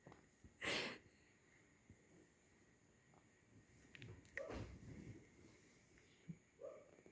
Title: Snoring kitten